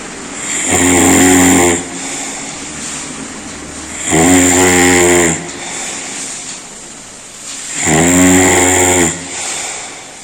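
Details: Very loud human snoring: three rattling, buzzing inhaled roars, each about a second long, at roughly 17 a minute.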